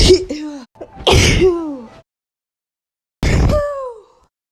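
Three sharp, explosive sneezes, each with a quick intake and a voiced burst trailing off; ordinary sneezing.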